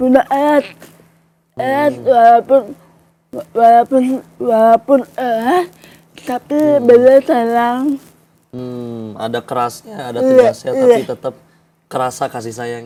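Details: Young adult woman with cerebral palsy, a disorder of muscle movement and coordination from abnormal nerves; delayed speech, writing only at primary school, began speaking in junior high after therapy with her mother; dysarthria (cerebral palsy).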